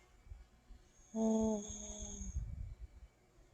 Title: tug boat / car horn snore man !